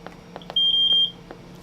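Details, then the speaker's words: BiPAP machine alarm in acute-care staff training: steady high-pitched electronic beep over faint room noise, triggered by the presenter's hand while the high respiratory rate alarm is set at 60 and the low at 4. "we have alarm set for high respiratory rate and low respiratory free right now this one's set at 60 and it's alarming because my hand is holding it"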